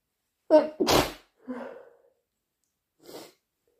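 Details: Person with a cold inducing a sneeze: a sharp inhaled catch, then one explosive sneeze, followed by a softer breathy exhale and a brief sniff.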